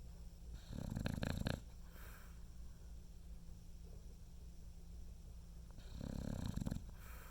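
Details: Two deep, fluttering snores about five seconds apart over low room hum from a sleeping dog, Rockne; snoring.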